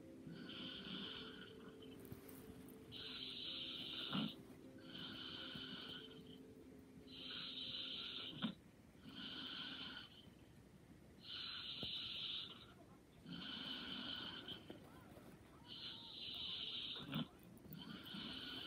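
Soft, buzzy snores on both breathing in and out, about 14 breaths a minute, over a faint hum. Light snoring.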